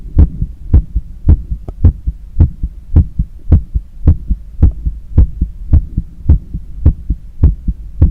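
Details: Normal heart sounds at a fast rate on cardiac auscultation during cool-down after a long run, with visible neck veins and pulse and breathing noise.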